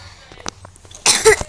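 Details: Two short harsh coughs in a child's voice with faint clicks, recorded while the speaker says she currently has a cough; brief cough.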